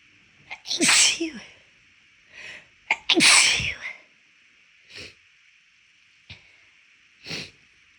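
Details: Deliberately triggered sneezes after a left-nostril tickle lingering weeks after an illness: two loud, forceful sneezes then several softer sneezes or sniffs in a quiet room; repeated sneezing.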